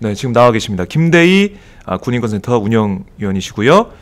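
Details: Adult male speaker; Normal speech.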